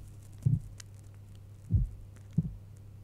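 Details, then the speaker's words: Normal heart sounds heard through the stethoscope diaphragm on the speaker's own chest: soft, low thumps over a steady hum. "The diaphragm, on the other hand, is useful to detect high frequency sounds, such as your normal lung sounds or even your normal heart sounds. So I'm using the diaphragm to listen to my heart."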